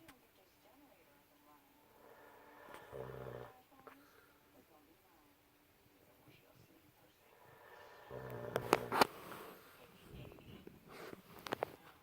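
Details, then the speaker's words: Adult man's loud snoring keeping someone awake: two low, rumbling snores several seconds apart over quiet room noise, with rustling near the end. "Can't sleep because of his loud snoring."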